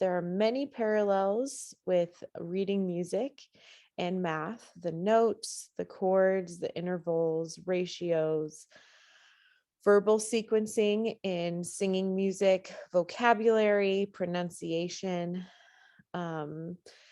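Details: Adult woman speaking; ordinary speech.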